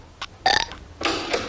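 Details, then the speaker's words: Cartoon burping contest between kids (The Simpsons soundtrack, not real): two loud, rough belches separated by a short pause. "what are you kids doing now we're having a contest mom what we're having a burp contest mom well knock it off i do not allow burping in this house"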